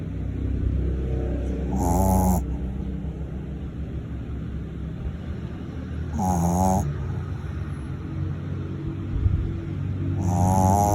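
Three loud, rattling snores about four seconds apart, roughly 15 breaths a minute, over a steady low hum. Snoring.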